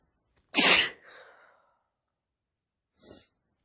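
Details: Male sneeze, described as hitchy and wet: one sharp, wet-sounding sneeze with a brief catch before it, followed by a short sniff.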